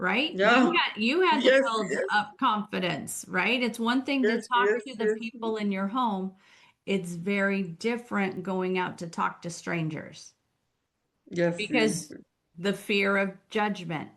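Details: Adult woman speaking, with a brief reply from a second adult; ordinary conversational speech.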